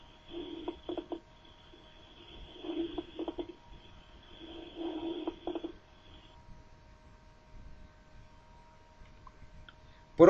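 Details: Fine crackles.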